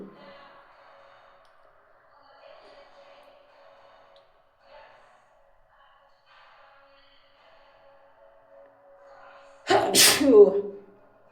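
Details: A single loud, sudden sneeze near the end, after quiet breathy sounds over a steady background hum.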